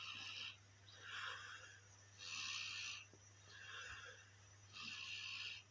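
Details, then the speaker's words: Snoring during sleep: soft, airy snoring breaths at about 24 per minute over a steady low hum. "the scene jolmai tidur ngorok terdengar suaranya Oh ya tidurnya ngorok"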